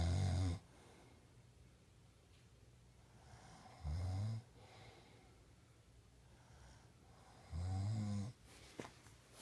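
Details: Three low, rumbling snores on inspiration about four seconds apart with quiet gaps, in a small room: a father snoring.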